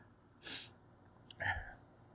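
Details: Adult male, single loud voiced sneeze, described as harsher than usual: a quick sharp intake, then a loud 'achoo'-like sneeze.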